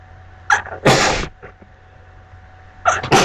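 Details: A sharp, explosive sneeze after a brief inhaled lead-in, with a second sneeze starting at the end and a low engine hum behind it.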